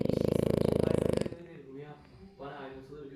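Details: A 15-month-old male French Bulldog snoring: fast, regular rattling snore pulses for about a second, then quiet breathing with faint voices in the room.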